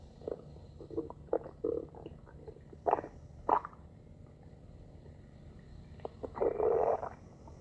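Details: Stomach growling (borborygmi): soft gurgling and rumbling bursts over quiet background noise; ordinary.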